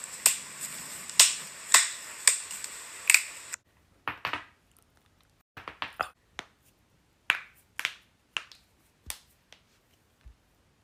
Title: cracking joints